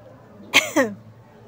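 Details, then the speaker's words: Adult woman at home, describing morning sickness, with a lingering cough: two quick, sharp cough bursts in a quiet room. "Friends, wait lang. Dito muna ako kasi nga inuubo ako eh."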